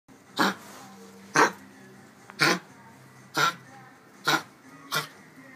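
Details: A dog gives six short, harsh cough bursts in quick succession, roughly one per second.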